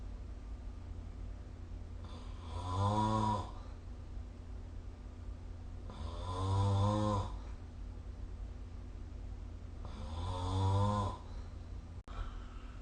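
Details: Three loud, low, rattling snores on breathing in, about 16 breaths a minute, with quiet gaps and steady room hum; snoring recorded with the SnoreLab phone app.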